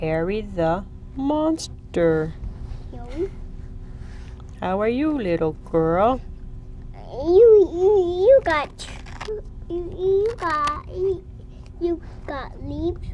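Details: Young child who has begun to stutter, speaking during play, with whole-word and part-phrase repetitions heard; stuttering.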